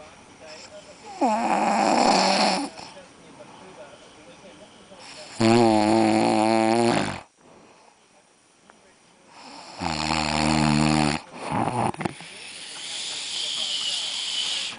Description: dengkuran yg nikmat hahaha